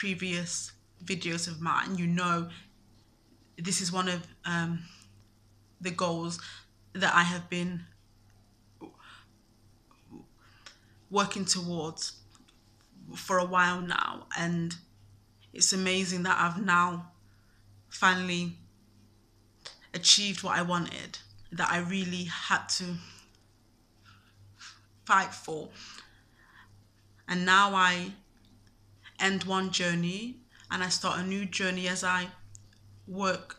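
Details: Stuttering (stammer) in a man, present since at least his university years.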